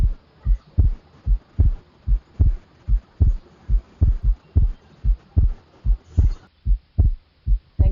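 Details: Pediatric second heart sound (S2) demonstration: regular low heart sounds with S2 splitting into two close parts, a normal physiological split.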